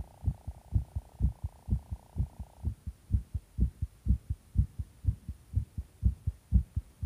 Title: heart pounding